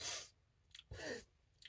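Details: Sneezing fit into a handkerchief at an awkward moment, with repeated apologies; the sneezer suspects something in the air. Two quick, muffled, sharp hissing sneezes in a row, stifled into cloth.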